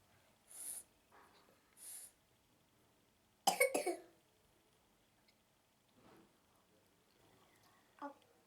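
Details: Young girl with a dry, exhausting cough, being given hot milk as a home remedy: a short cluster of dry, hacking coughs with soft breaths and sips around it in a quiet room.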